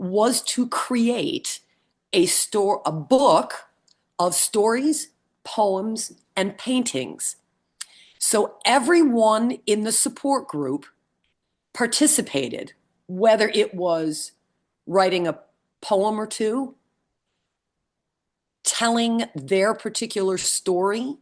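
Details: Support group member recovering from a brain injury with aphasia; aphasia.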